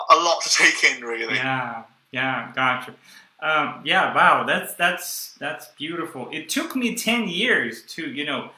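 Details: Young adult man who stuttered through his first 18 years and took the Starfish project course; he still stutters and blocks and uses a breathing technique only some of the time. Stuttering.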